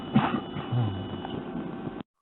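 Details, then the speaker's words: C4 complete tetraplegic patient coughing with electrical abdominal stimulation switched on, contrasted with an unassisted cough: a single stronger cough burst followed by airflow noise, expiratory flow nearer normal; stimulation-assisted cough in tetraplegia. "what you're going to hear first of all here is taking analyticistic cough and then secondly you'll hear stem on and that's take off with stimulation and the difference is striking"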